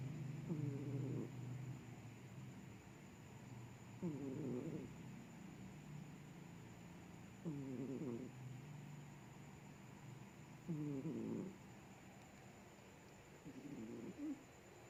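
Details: A sleeping cat gives regular rattling snores, about five in fifteen seconds, roughly 20 a minute, over steady room hum; cat snoring.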